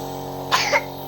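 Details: One short, sharp cough over a steady room hum from a young boy who is unwell with a cold and cough, usually treated with a nebulizer.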